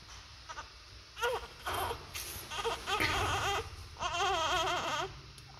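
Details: Several short, thin, high-pitched cry bursts over steady room hum; weak cry of a preterm newborn born at 32 to 34 weeks with birth asphyxia, in an incubator.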